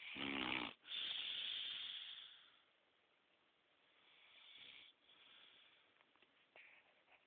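A loud, harsh snort-like breath at the start, then fainter hissing breaths fading into quiet, fitting noisy snoring.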